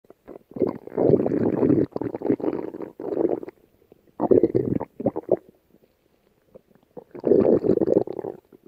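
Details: Irregular bursts of low rumbling and gurgling with short quiet gaps: stomach growling (borborygmi).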